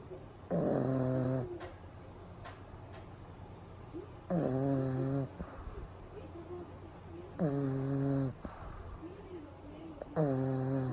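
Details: Pug sleeping during a daytime nap with eyes rolled back showing the whites, recorded close up; loud, rattling snores about every three seconds, roughly 19 a minute, quiet breathing between.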